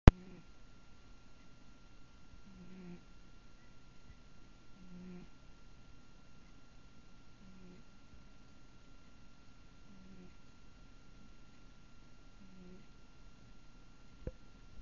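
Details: Soft, low, musical wheezing recurring with each breath at about 25 breaths a minute in a pet named Spritz; owner finds it worrying.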